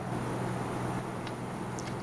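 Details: Nebulizer compressor running, loaded with Levolin and connected by a T-piece to a tracheostomy patient: a steady low motor hum with a constant buzz.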